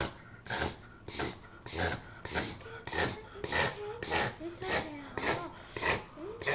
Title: Puggle Preston Reverse Sneezing